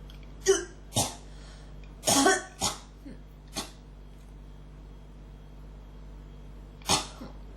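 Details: Cough that won't stop: seven short, sharp, dry-sounding coughs in uneven clusters over several seconds with a pause, quiet room; throat strongly irritated, something almost coming up but not quite. Cough.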